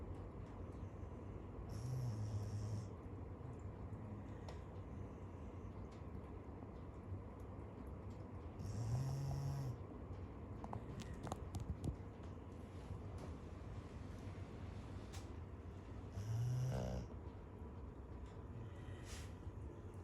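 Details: Dog snoring loudly while a cat naps nearby: three loud, low rumbling snores at irregular intervals against steady room noise. Snoring.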